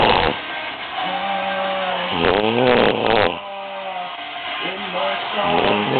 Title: Snoring LOUD!!!